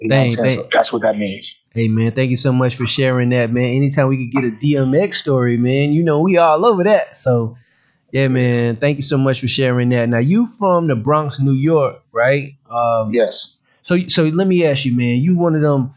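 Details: Adult men in conversation; normal speech.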